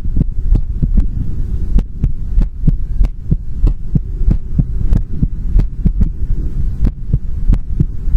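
Steady, brisk low thumping heartbeat over a constant low hum, with no extra sounds between beats.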